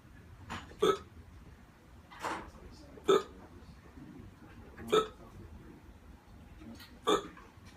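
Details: Man on day 8 of constant hiccups, later having a hard time breathing and taken to hospital; sharp hiccups about every two seconds, roughly five in eight seconds; persistent hiccups.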